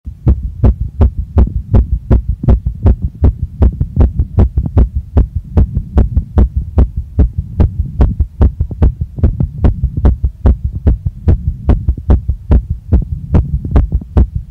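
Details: Female heartbeat recorded right after a workout, felt pounding in chest, neck, face and stomach: fast, strong, regular beats at about 150 a minute, sinus tachycardia after exercise.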